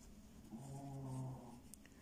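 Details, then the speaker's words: One low, steady, droning snore from a resting pet dog, with faint room noise. "Bon, si vous entendez ronfler, c'est mon chien."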